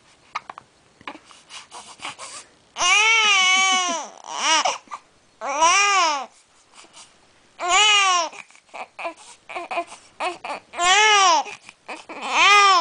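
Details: Repeated high-pitched wailing cries from an infant, with snorting and short catching breaths between cries; an ordinary infant cry.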